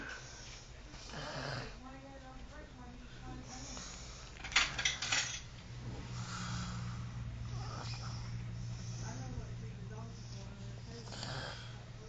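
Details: Mother snoring while asleep, rough snoring breaths repeating, with a brief clatter and quiet voices in the room.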